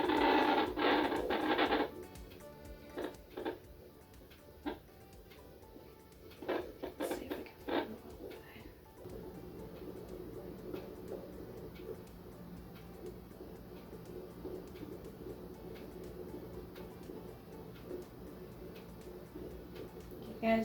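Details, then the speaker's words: Fetal heartbeat heard through an at-home fetal Doppler: rapid, rhythmic whooshing at about 150 beats per minute (the device may not be perfectly accurate; doctor visits usually read about 145), within the normal range. "It's saying right around 150 right now. I don't think this thing is perfectly accurate, but yeah, it's saying right around 150."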